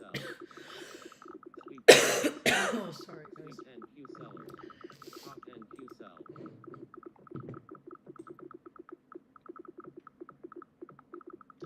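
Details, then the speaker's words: Adult coughing while livestreaming futures trading: two short, harsh cough bursts without a wet rattle, with electronic ticking sounds in the background; dry cough. "dry coughing as you can hear."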